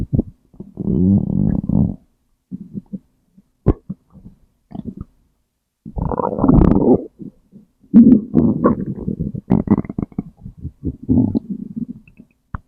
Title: stomach growl #2